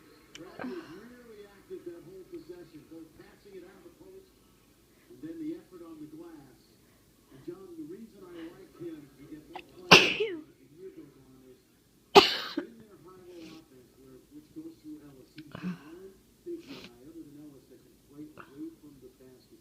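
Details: Two sharp, explosive sneezes against low, quiet voice sounds and small throat noises, during a head cold that has turned into a chest cold, where sneezing makes the person cough.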